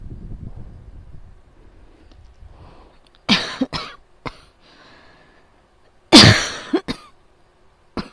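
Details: Two bursts of harsh coughing, each a strong cough then smaller ones, during a night-time asthma attack keeping the person from sleeping, fan noise in background; asthma-attack cough.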